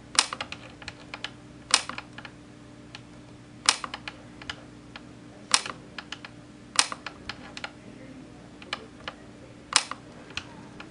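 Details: YAG laser vitreolysis of a C-shaped Weiss ring floater, after the patient looks down to move it forward: irregular sharp, snappy clicks over faint hum, with the microphone right next to the laser.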